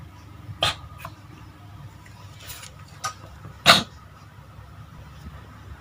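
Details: Cat with a severe cough for several days, with shortness of breath like asthma: a few short, harsh bursts over quiet room noise, two louder than the rest; cat cough.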